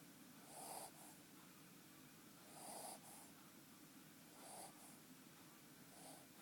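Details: Baby snoring softly in sleep: faint snorting breaths about every two seconds, roughly 29 a minute, under a steady hiss.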